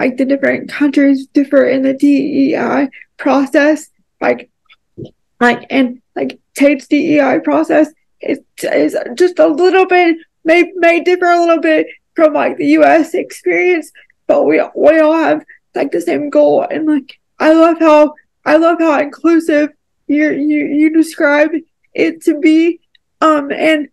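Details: Dysarthria from cerebral palsy; she describes having a more severe form of cerebral palsy that makes it harder for her to talk.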